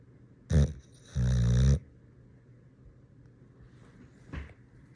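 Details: Dog snoring loudly while asleep: a short snort, then a long, rough, rattling breath and a faint later snort.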